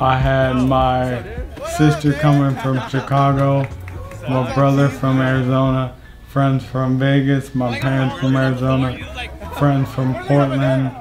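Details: Mild dysarthria in a man with ALS, diagnosed in fall 2018 just before age 30 after leg weakness began in early 2017; slowly progressing, and within the last year it has affected his walking, arm and hand dexterity, and speech.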